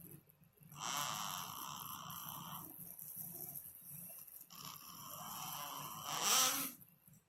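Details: Newborn snoring, recalled by parent of the child now 2 years old: soft, breathy snores with a few long noisy breaths in a quiet room.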